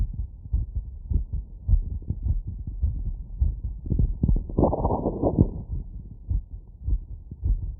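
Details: Fast, forceful heartbeats at roughly 100 a minute, heard after running through a wireless stethoscope at the pulmonic, aortic and Erb's point valve areas, with some friction noise: rapid heart sounds after exercise.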